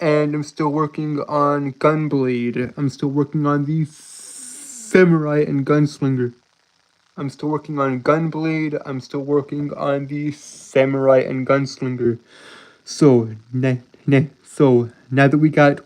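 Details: Adult male streamer who reports a speech impediment causing him to stutter and trip over his words; stuttering.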